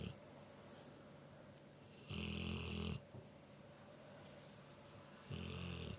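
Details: Big dog snoring with eyes open: two loud rattling snores roughly three seconds apart over steady room noise.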